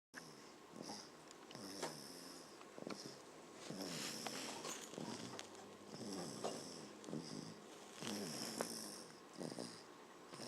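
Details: Soft, irregular snuffling snores with whistling nasal breaths, about 28 a minute, during sleep; light snoring.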